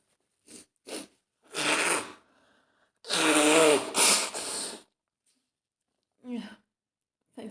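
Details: Acted role-play of a female friend coming down with a cold after being out in the rain, with throat starting to hurt: soft sniffs, a gasping inhale, then a loud sneeze, a second sneeze burst and a sniff.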